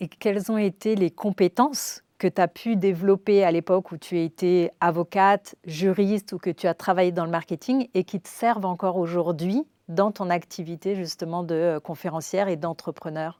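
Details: Adult woman speaking French; ordinary speech.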